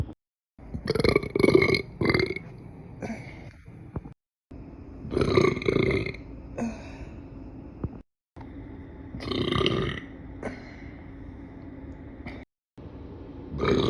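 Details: Several long, low, rumbling belches, about four, separated by short pauses, produced after eating pizza; repeated burping.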